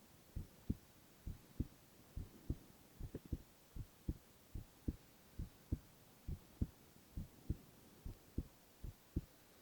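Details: Silent ASMR recording of a young man's heart sounds only: quiet, regular paired heart sounds at about 67 a minute with light hiss behind; normal heart sounds.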